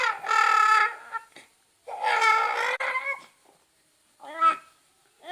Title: Baby crying|baby crying sound effects|cutest baby crying moment|newborn baby first time crying